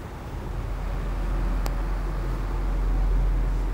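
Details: Lucass XE 110LA or JASS S50 reclining electric wheelchair turning in a full circle: steady low motor hum and rumble with one brief click; normal electric wheelchair motor noise.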